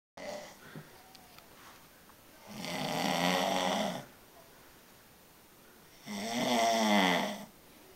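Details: Man asleep: loud rattling snores on each in-breath, about 17 a minute, quiet pauses between; snoring.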